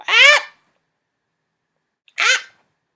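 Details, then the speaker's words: Imitated sneezes in a comedic puppet sketch on types of sneezes: two short, voiced, sneeze-like bursts separated by silence, acted rather than natural; simulated sneezing. "scary you see it scares people they expect a tremendous sneeze they don't get no freaking thing jerk"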